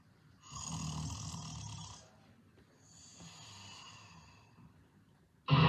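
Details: Snoring, possibly edited with an added effect: two long, rough, rumbling snores on breathing in, the second quieter, then a sharp noise at the end.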